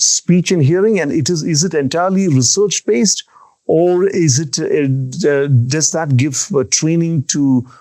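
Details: Stammering (stuttering) in an adult who has stammered since early childhood and still stammers on some words.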